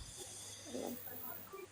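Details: Person who fell asleep during a live stream snores: brief, faint, rough snoring noise during sleep over steady background hiss.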